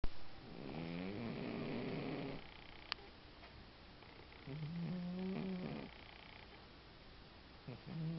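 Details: Cat asleep: two long, rattling snores with a low-pitched, buzzy quality and quiet breathing between them; snoring.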